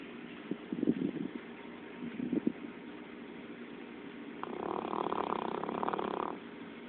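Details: Dog asleep in a kiddie pool: two soft rattling snores, then a longer steady droning sound; ordinary snoring.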